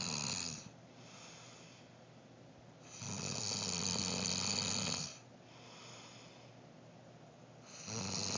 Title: MY EX HUSBAND SNORES LIKE A DYING WALRUS